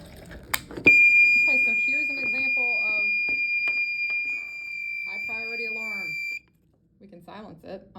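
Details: Continuous piercing high-pitched alarm over speech: a HeartMate III LVAD controller high-priority alarm, red broken-heart icon flashing, for a disconnected driveline.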